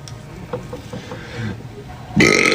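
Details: Sequence of a man's burps during a TikTok live: quiet throaty pulses building into a loud, rough belch at the end; burping (eructation).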